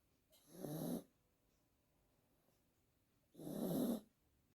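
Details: Pomeranian dog snoring loudly; two loud, harsh, rattling snores separated by quiet pauses; snoring.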